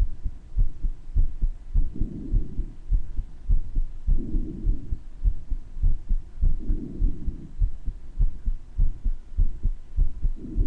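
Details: Person's own heart murmur recorded with breath sounds, louder in some parts than others: regular heartbeat near 100 a minute with a soft rushing sound between beats and slow breaths; heart murmur.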